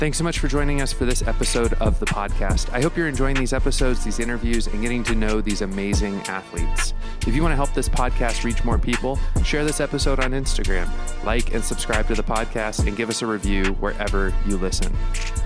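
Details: Adult male speaker over background music; normal speech.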